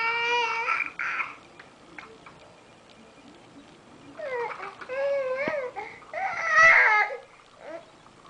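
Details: Infant girl frustrated while having hiccups: bursts of fussy crying and whimpering broken by short pauses and babble.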